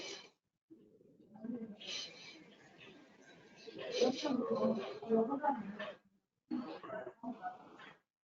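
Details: Laryngectomy patient speaking with an electrolarynx held under the chin: speech carried by a steady, flat mechanical buzz with little pitch change, words hard to make out; electrolarynx speech.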